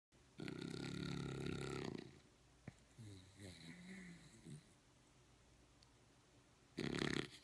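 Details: Dog in very deep sleep, possibly REM, with suspected sleep apnea: quiet, rough snoring breaths with a short snuffling, fluttering sound between them; snoring.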